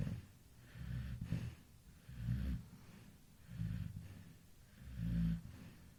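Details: Infant snoring at 2 a.m. while sleeping relaxed: soft, low snuffling snores with each breath, about 12 a minute, a nasal rattle rising and fading in steady rhythm; baby snoring.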